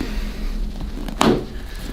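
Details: A single short crack over room noise during a chiropractic midfoot adjustment, a joint cavitation freeing a locked middle foot in a woman who wears heels.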